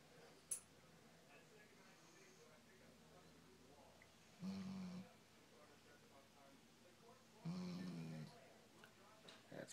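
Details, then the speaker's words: Sleeping puppy in the morning: two short, soft, buzzing snores about three seconds apart in a quiet room; light snoring. "Biscuit. Snoring away. Dog that snores. It's great, isn't it?"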